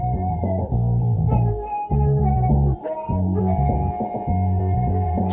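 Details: Hearing loss simulation, accompanying an account in which background sounds like dog barks and sirens seem louder and closer than they are and are heard better than speech.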